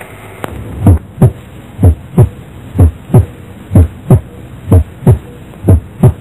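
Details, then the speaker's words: Normal heart sounds at the heart base: regular paired first and second sounds about 62 a minute, clear, no murmur. "A và đây là tiếng tin bình thường người ở đáy tim"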